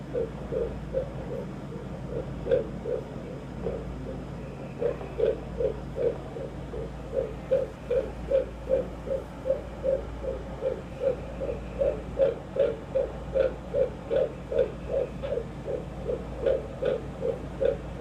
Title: 17 weeks 3 days pregnant fetal heartbeat